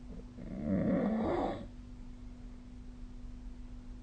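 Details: Snoring during sleep: one rough, rattling snore lasting about a second, then quiet breathing over a faint steady electrical hum.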